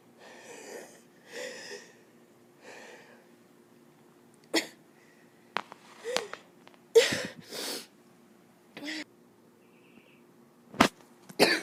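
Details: Scattered harsh, loose chesty coughs and sharp bursts with quiet gaps between, during a bad cold that went to the chest; chesty cough.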